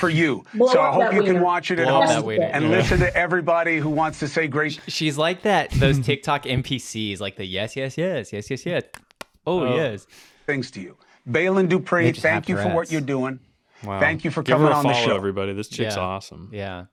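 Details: Adult speaker; ordinary speech.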